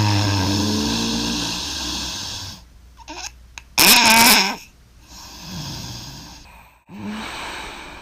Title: Snores Hard Part 2